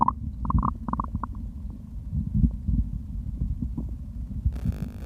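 Low gurgling and rumbling from the belly with short bubbly squeaks while drinking; ordinary stomach growling.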